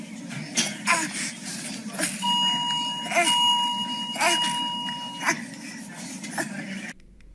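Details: Expiratory grunting.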